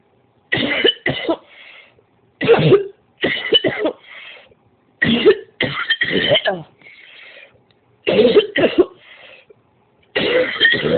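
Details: Repeated coughing that left a headache: about eleven harsh bursts in quick clusters of two or three, each with a fainter breathy tail, in a quiet room.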